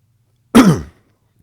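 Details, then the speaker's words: Speaker with a tickle in the throat and a rumbly voice, wanting a cough drop: one loud, brief, rough throat-clearing cough, followed by silence. "God, I got a little tickle in my throat."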